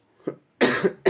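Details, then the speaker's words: Adult man ill for several days with a hoarse voice and a strong cough, which he attributes to the weather change; the title asks whether it is a cold-cough or malaria: a few short, forceful coughs in quick succession. "इस समय मौसम भी change कर दिया है हम लोग भूतों का तबीयत खराब हो रहा है और क्या कहेंगे शायद मौसम का ही चेंज होगा इसलिए खांसी बहुत जोर से हो रहा है"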